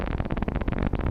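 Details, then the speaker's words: Needle EMG with a Neuro-MVP micro device in a volunteer contracting the muscle at moderate force: dense crackling, buzzing rush of overlapping motor unit potentials, a normal interference pattern. "предлагаем нашему добровольцу сейчас с разной интенсивностью напрягать нашу мышцу"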